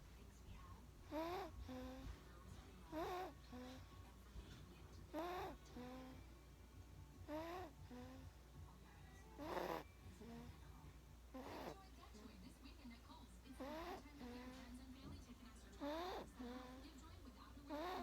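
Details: Snoring during sleep: squeaky, whistling snores about every two seconds, around 28 a minute, in a quiet room.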